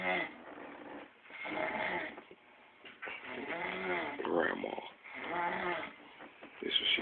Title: Big girl snoring